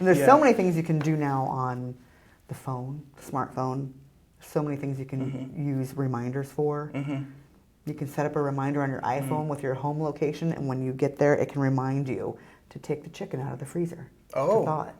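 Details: Adult woman speaking; typical speech.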